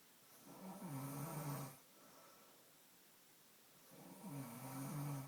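Two low, rattling snores on inhaling, about three seconds apart, with quiet breathing between: ordinary snoring during sleep.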